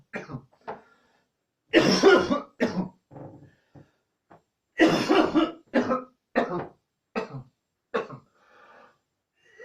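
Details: Repeated harsh coughs in two clusters, about a dozen in all, with short gasps between; a coughing fit.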